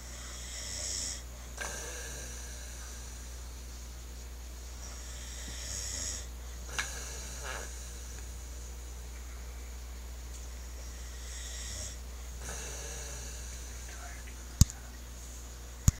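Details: A father (adult male) snoring in light, soft, breathy snores, about four or five breaths over a steady low room hum.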